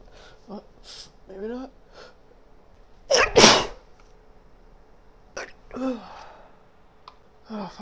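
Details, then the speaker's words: Woman sneezing repeatedly: a strong, sharp, explosive double sneeze, with soft vocal sounds before and after. "oh excuse me can't seem to stop excuse me I think that's it"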